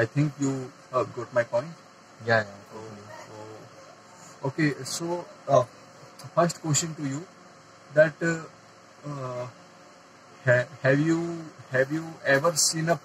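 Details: Adult man who stammers and says he gets stuck on words, trying to use techniques to manage the extra muscular stress while speaking; stammering.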